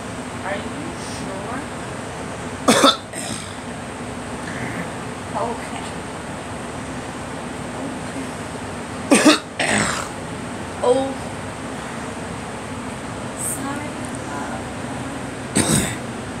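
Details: A person who says their allergies are bothering them gives several short, single coughs spaced apart over a steady background hiss. Cough.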